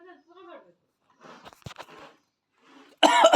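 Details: Young child speaks, then gives several short cough bursts and a loud cry-like outburst at the end; a plain cough.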